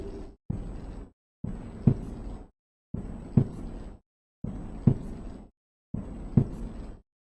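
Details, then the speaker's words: Teaching demonstration of normal first and second heart sounds at the base: repeated low heart sounds with the second sound louder than the first, a normal finding. "base you're able to appreciate the second heart sound is louder at the base whereas it is it's louder at the FX"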